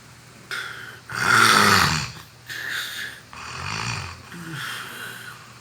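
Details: Loud, rattling snores on repeated inhalations with quieter exhalations between them; heavy snoring during sleep.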